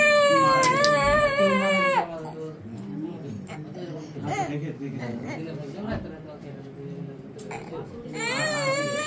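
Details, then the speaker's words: A 2.5-year-old child who has cried excessively since birth, worse in the evening and at night and waking crying: loud wailing cries with whimpering between them, persistent excessive crying. "বাচ্চাটির বয়স আড়াই বছর প্রথম থেকেই খুব কান্নাকাটি করে জন্মের পর থেকেই বাচ্চাটা খুব কান্নাকাটি করে"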